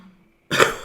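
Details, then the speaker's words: One abrupt, harsh cough after silence from an adult still recovering from being sick. "Excuse me. I'll try to mute if I cough again. You can hear I'm still getting over being sick a little bit."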